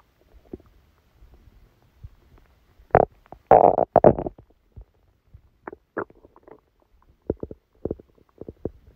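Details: Stomachache after Christmas dinner, recorded while the person slept: irregular gurgles and rumbling bursts, louder in a cluster then scattered; bowel sounds, stomach rumbling.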